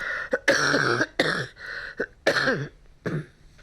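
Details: An adult patient with a persistent cough, examined by a GP, takes a deep breath during chest auscultation and gives several harsh coughs, mainly dry with a slight wet edge. Oxygen saturation was 90%.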